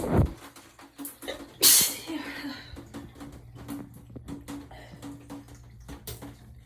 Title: Shower sneezes (a bit loud, sorry)